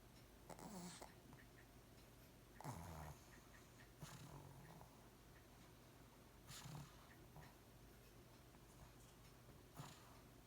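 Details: Quiet snuffling snores from a sleeping pet, about five irregular breaths with soft snorts, over low room noise.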